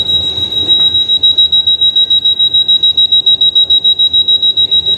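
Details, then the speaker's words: Loud, fast, regular high-pitched beeping, about three a second, from a Dräger Evita V600 ICU ventilator as it is switched on; volume can be lowered. "Ini untuk tampilannya seperti ini. suaranya sih ya. Nanti bisa dikecilin, Bu."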